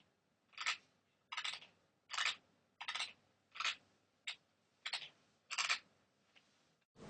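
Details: Self-recorded on a MacBook while asleep, a person whose friends say their sleep teeth grinding is very noisy: repeated short, sharp grinding and clicking bursts, about eight in seven seconds: sleep bruxism.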